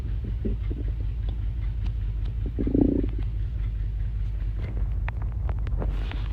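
Low gurgling and rumbling stomach noises with soft clicks, typical of a hungry stomach before eating.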